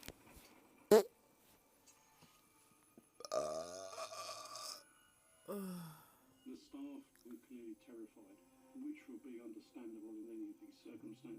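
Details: One long, rumbling belch, then a shorter one, against quiet talk and faint background music; burping.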